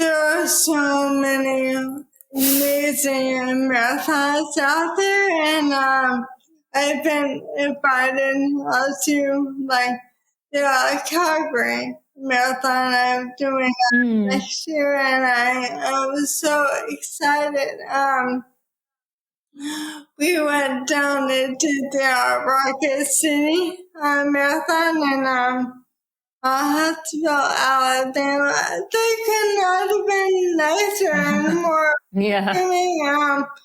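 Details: Dysarthria from ALS in a woman diagnosed with probable ALS in 2014 at age 33, about ten years before, after rapid early progression from half Ironman to walking with a cane within six months.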